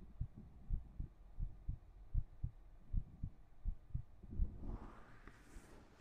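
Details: Soft, muffled low thumps in uneven pairs under steady hiss, with rustling near the end, recorded with a 3Dio binaural microphone; a heartbeat heard faintly.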